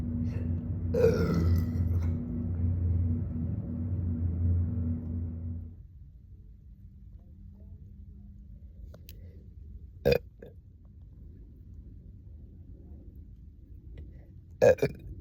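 A long, deep, rumbling belch followed by quieter sounds and two short sharp bursts; deliberate burping.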